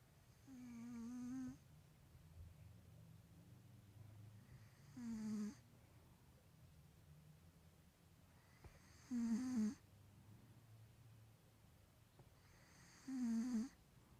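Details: Four slow, whistling, nasal snores about every four seconds, roughly 15 a minute, from a sleeping 3-year-old male Maine Coon cat with a bad, blocked nose; snoring.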